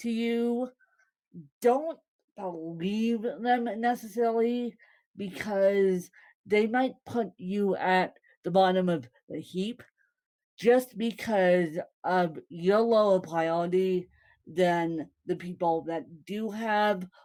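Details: Woman born with cerebral palsy, speaking; possible dysarthria, though no speech disorder is named.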